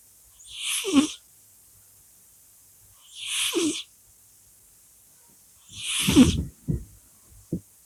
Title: Кошка Поля храпит. Cat's snoring.